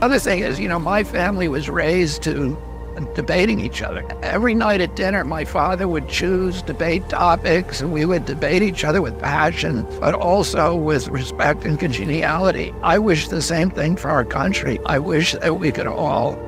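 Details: Spasmodic dysphonia in a 70-year-old man, a neurological voice disorder that began at age 42; the voice trembles and sounds raspy and croaking, where before age 46 he had a very strong voice.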